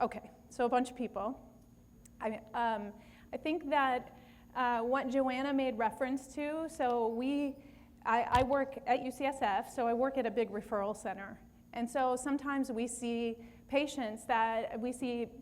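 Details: Adult woman speaking; normal voice.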